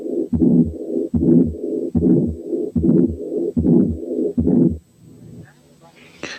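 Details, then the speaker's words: To-and-fro murmur of combined aortic stenosis and aortic incompetence (double aortic lesion): separate systolic and diastolic murmurs, offered as a quiz case against the continuous murmur of patent ductus. "دي كانت combined aortic stenosis and aortic incompetence عاملة to and fro murmur."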